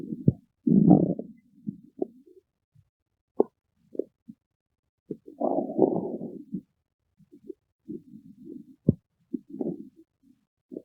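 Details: Irregular low gurgles and brief clicks from an adult's abdomen, ordinary stomach growling; bowel sounds (borborygmi).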